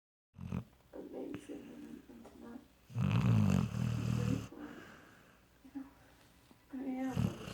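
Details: Dog sound asleep during movie night, snoring with low rattling breaths, some loud and rough; a person speaks briefly.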